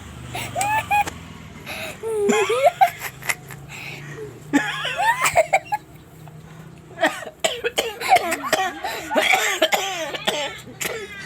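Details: Laughing and coughing: bursts of laughter broken by repeated short coughs, a coughing fit brought on by laughing.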